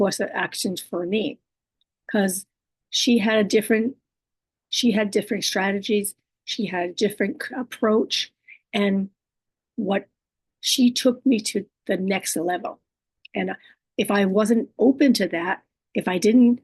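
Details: Woman living with aphasia, apraxia of speech, dysarthria and other communication disorders; her speech is sometimes hard to understand and distorted; aphasia with apraxia of speech and dysarthria.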